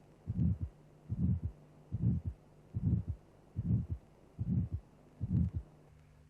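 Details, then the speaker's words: Ejection systolic murmur of aortic stenosis: a triangular, crescendo-decrescendo murmur during the ejection period, systolic in time with the pulse, rising to a peak then falling. "A triangular-shaped murmur occurring during the ejection period is referred to as an ejection systolic murmur."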